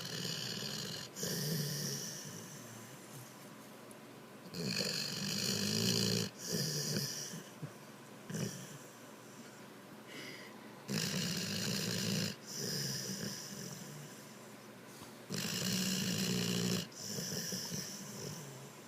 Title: my dog Gotti snoring